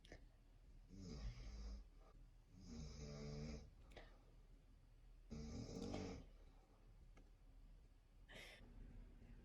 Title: Reading escape: why i prefer silence over snores #reading